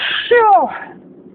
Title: Can't stop sneezing...